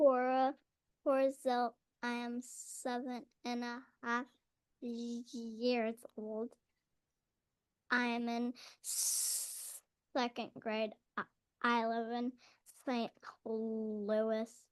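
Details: Seven-and-a-half-year-old girl in second grade, real person who has stuttered for as long as she can remember; stuttering.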